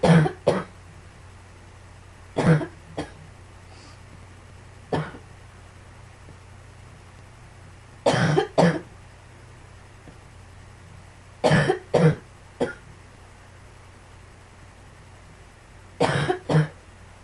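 Repeated coughing in short clusters of two to three bursts, about twelve coughs, with quiet room noise between.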